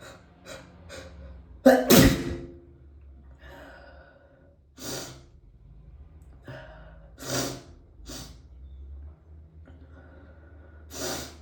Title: sneezing on a CD